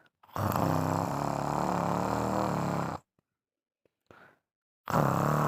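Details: Snoring: loud, rattling, vibrating snores on inspiration with short quiet pauses between breaths.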